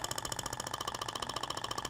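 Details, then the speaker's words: Thork Ibramed radial shockwave (ESWT) applicator firing on the abdomen in an aesthetic treatment, held at 90° and moved in zigzag over the skin: rapid, regular mechanical tapping pulses, about 15 a second. "É interessante que você consegue visualizar a propagação da onda. Você vê que até o tecido vibra, né?"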